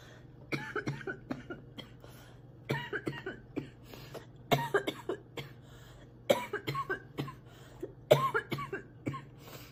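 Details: Girl with a persistent cough, coughing a lot and spitting while sick; repeated clusters of short coughs, about five bouts of several coughs each, in a quiet room.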